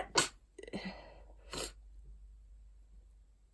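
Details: Dust allergy sneezing while clearing out an attic: several sharp, explosive sneeze bursts, the first loudest, then a shorter sneeze after a brief pause.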